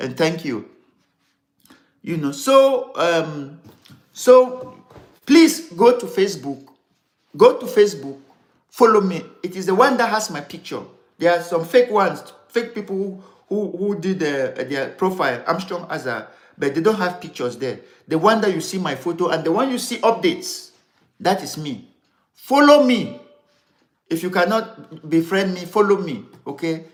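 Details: Adult man who has stammered severely since childhood, over more than sixty years, and still has difficulty pulling out words; later diagnosed with ADD, which he blames for word substitutions; unedited live recording; stammering.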